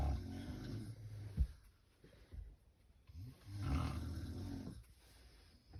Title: WOMAN SNORES LOUDLY NOBODY CAN SLEEP🤪🤪🤪